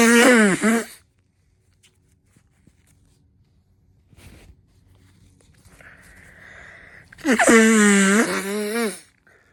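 Two loud, high-pitched voiced sneezes from a woman, separated by a quiet pause with a soft indrawn breath before the second.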